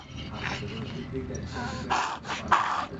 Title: Reverse Sneezing in Shih Tzu